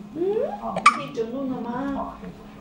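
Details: Hiccups amid laughter and baby talk: a sudden, sharp hiccup catching in the middle of sing-song talking; a single hiccup.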